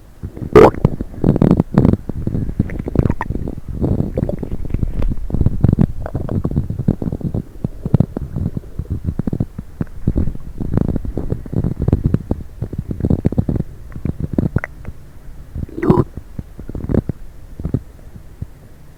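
Continuous low gurgling and rumbling from the belly with bubbling bursts, typical stomach and bowel noises from gas and fluid moving through the gut.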